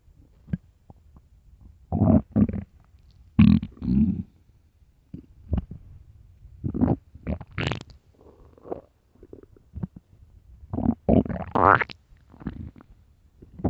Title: extreamy empty loud deep stomach growls part 2